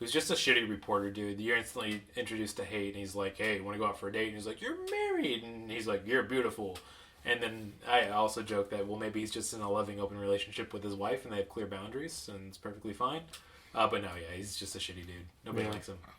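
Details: Adult male speaker; Normal conversational speech.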